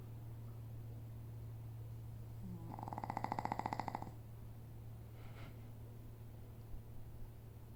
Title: Lulu snoring 2